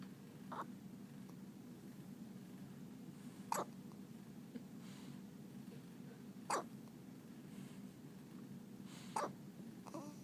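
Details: Hiccups: soft, brief hiccup sounds about every three seconds over steady room noise.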